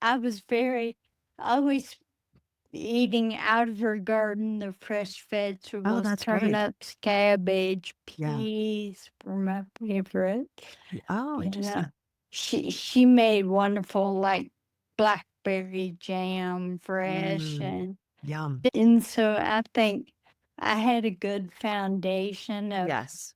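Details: Adult woman with Friedreich's ataxia, a rare progressive neurodegenerative disease diagnosed at age 23, which she says affects speech and can cause speech and swallowing difficulty; she uses a wheelchair. Finding: ataxic dysarthria.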